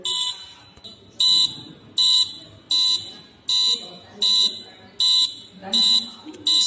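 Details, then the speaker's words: Pulse monitor built with a heart sensor, OLED display and buzzer: shrill buzzer beeps at about 80 a minute as the thumb rests on the sensor, each beep marking a heartbeat; displayed rate about 77–81. "the black wire through the ground now you can see and you can hear the beeps of this buzzer"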